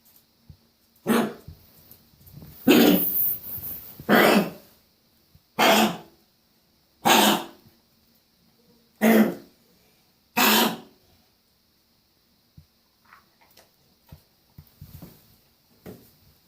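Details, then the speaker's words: A dog gives a series of harsh, honking coughs with gagging and retching; she is foaming and trying to spit something out, as if something is stuck, and the owner wonders whether an ER visit is needed. "So she's foaming and trying to spit something out or something, like something stuck."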